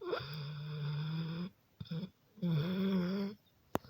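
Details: Deep, droning tonal snores with a short snuffle between, from a sleeping dog; snoring.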